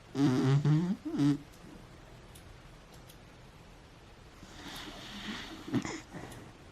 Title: Beagle Snoring